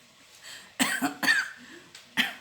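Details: An adult gives about three short, sharp dry coughs in quick succession in a quiet small room; afterwards says their voice sounds odd, as if their throat is hoarse.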